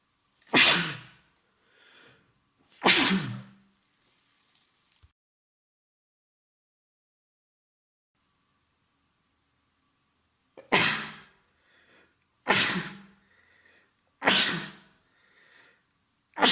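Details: Adult man with a common cold, congested with a runny nose and sore throat: about six loud, forceful sneezes, each preceded by a breathy intake, separated by quiet pauses. Repeated sneezing.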